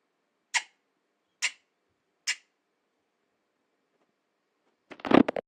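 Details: Parrot coughing: three short, sharp, evenly spaced coughs from the bird, followed by a brief burst of chattering.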